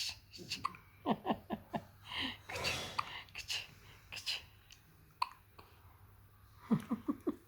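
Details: 10-day-old newborn girl with hiccups: short, abrupt voiced catches in brief runs, quiet breathing and faint room noise between.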